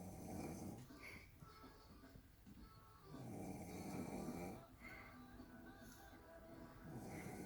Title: When you have nothing to do but to stay in and snore